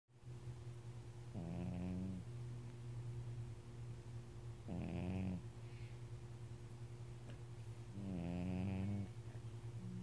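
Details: Three deep, vibrating snores at steady intervals, about 18 breaths a minute, over a steady low hum; regular snoring during sleep.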